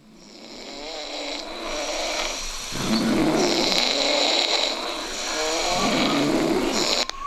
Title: Snoring